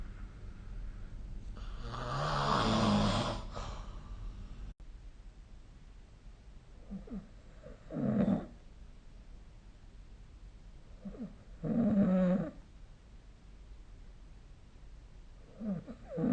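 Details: Snoring recorded with the SnoreLab phone app: rough, rattling snores on the in-breath, about every four seconds in a quiet room during sleep.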